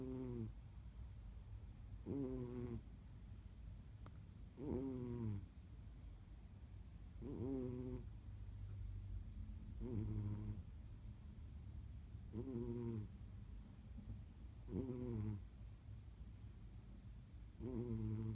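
Soft, regular snoring, about 23 breaths a minute, each breath carrying a low rattling tone.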